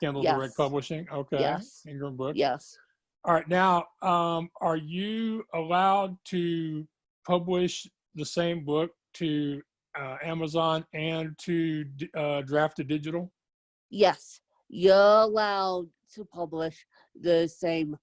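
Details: Adult woman with self-described moderate to severe cerebral palsy who needs help 24/7; dysarthria in cerebral palsy.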